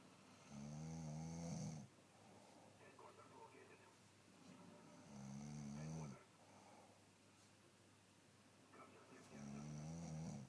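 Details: Low, rattling breaths about every four seconds, three in all, with faint background sounds between them. Snoring.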